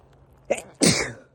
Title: Sneezing on a 👃🏻shaped leaf